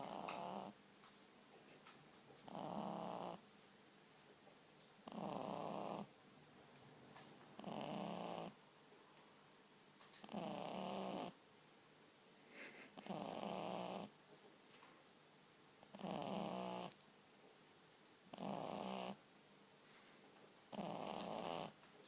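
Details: Pug puppy sleeping with tongue out: regular snorting, rattling, buzzy snores, nine in about 22 seconds, roughly 23 breaths a minute; snoring.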